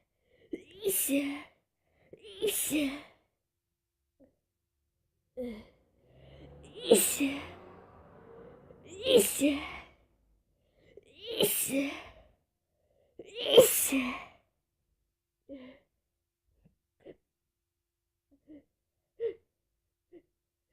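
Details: Morning sneezes with a cold; six explosive sneezes, each preceded by a short gasp, with soft sighs and sniffs after. Repeated sneezing.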